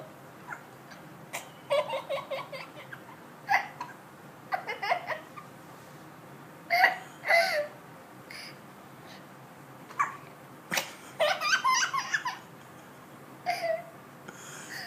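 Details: A newborn baby's hiccups, heard as short, abrupt catching sounds, with her older sister giggling at them and an adult's voice nearby.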